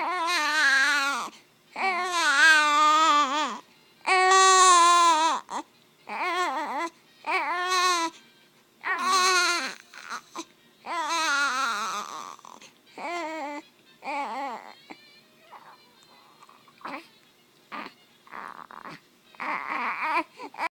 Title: Crying newborn baby boy